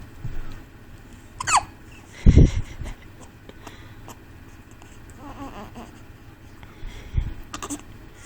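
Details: Two-week-old baby boy with hiccups: about three sharp, brief hiccup jolts spaced seconds apart, with faint room noise between.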